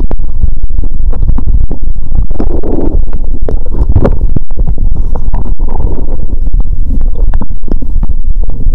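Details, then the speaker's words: Upper stomach sounds through a stethoscope after cola and Mentos, when full and after burping: loud, continuous low gurgling and rumbling with frequent clicks and pops, active bowel sounds. "You can hear a different sound from the upper stomach 👂 ♪."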